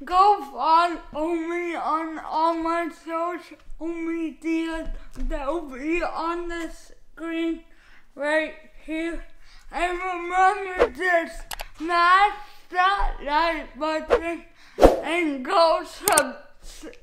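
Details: Man with cerebral palsy, attributed to not breathing at birth, who says his speech is affected; dysarthria (cerebral palsy).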